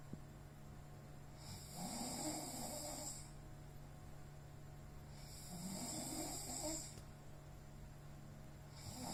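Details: Heavy snoring in an exhausted sleeper, likened to a mating cow: slow, loud snores with a hissing, rattling sound on each breath, about three in nine seconds over a steady hum.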